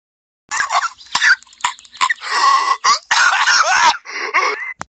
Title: coughing for 4 seconds